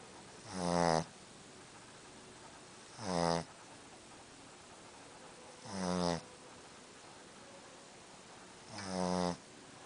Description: Snoring Boston Terrier